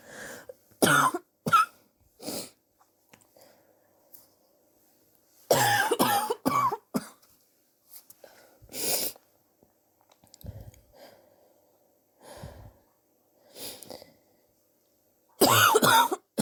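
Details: Sore adult coughing over several weeks, X-ray pending to check for pneumonia: repeated harsh, forceful cough bursts in irregular clusters with quiet gaps; persistent cough, suspected bronchitis.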